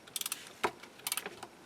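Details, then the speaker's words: Sharp, light clicks from a torque ratchet, with one louder snap, while fully seating a Zest SATURNO narrow-diameter implant in a simulated styrofoam lower anterior mandible during an overdenture implant placement demonstration. Torque ratchet clicks. "the torque ratchet. It allows me to insert the implant fully until properly inserted."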